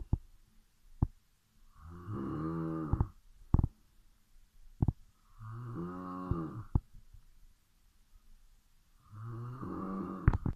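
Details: Person asleep at midnight: three loud, deep, buzzing snores about every four seconds (roughly 15 breaths per minute), with occasional clicks between; snoring during sleep.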